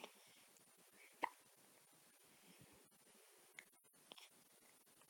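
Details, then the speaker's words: Infant with hiccups again: brief, sharp catching sounds recurring every second or two. "Oh no, hiccups again."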